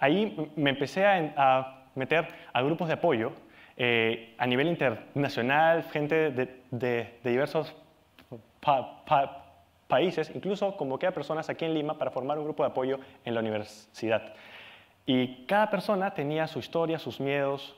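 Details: Adult Peruvian man speaking Spanish who has stuttered since age 4; persistent developmental stuttering.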